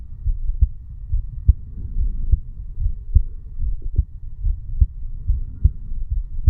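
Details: 35-year-old male sitting on stairs, heartbeat recorded over the mitral (bicuspid) valve area; normal heart sounds.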